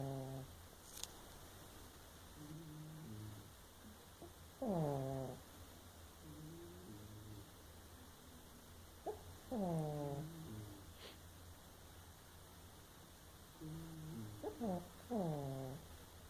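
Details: Sleeping pug snores with whistling, squeaky breaths over a low rumble, about 12 breaths a minute.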